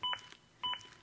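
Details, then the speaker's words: ZOLL AED Plus demonstration: two sharp electronic double-tone beeps about 0.6 s apart, the adaptive CPR metronome monitoring chest compressions and prompting at least 100 per minute. "beeps act as an adaptive metronome that monitors my compressions and tries to speed them up to at least 100 per minute"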